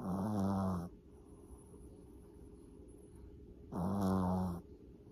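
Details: Two deep, buzzing snores about four seconds apart with quiet breathing between; a sleeper snoring loudly.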